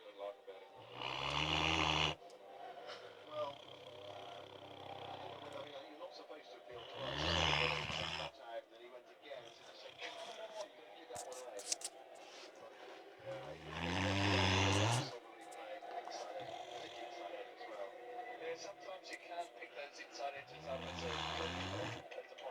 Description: A great dane snoring